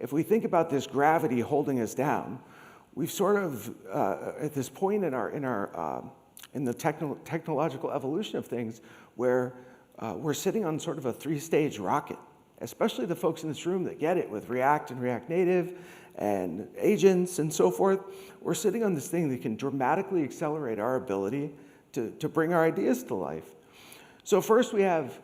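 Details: Adult man with degenerative, permanent spasmodic dysphonia following long COVID, once reduced to a whisper; treated with vocal cord Botox injections, speech therapy and laryngeal manipulation; spasmodic dysphonia.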